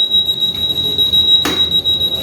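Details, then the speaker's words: Dräger Evita V600 ventilator switched on during a setup demonstration: a steady, loud, high-pitched electronic startup alarm tone with a brief rushing noise partway through; the volume can be lowered. "Tunggu dulu. Ini untuk tampilannya seperti ini. suaranya sih ya. Nanti bisa dikecilin, Bu."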